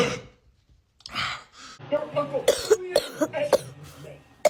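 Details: Several short, sharp cough bursts with throat-clearing at the start, in a small room.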